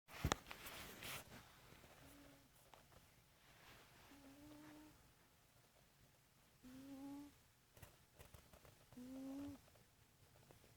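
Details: Sleeping cat snoring in a quiet room: soft, whistly, hum-like snores, about one every two to three seconds.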